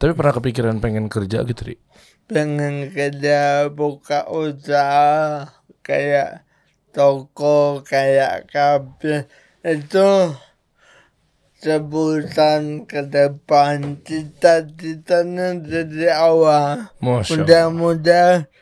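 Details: Adult man born in 1987 with severe cerebral palsy from birth, attributed to a birth injury during a breech delivery; unable to walk until about age 9; able to speak but not clearly; dysarthria (cerebral palsy).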